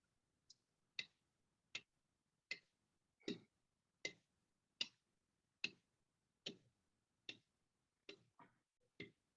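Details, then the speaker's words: Sharp, loud metallic clicks at about 79 per minute, a simulated mechanical prosthetic heart valve, described as grade six, whose closing clicks are audible without a stethoscope. "he says is that noise coming from you she says oh yes that's my new heart valve"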